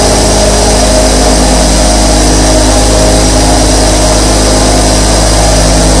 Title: Say Goodbye Insomnia | Sleep to the Sound of 24 Nebulizers 💤😴 | Nebulizer Sound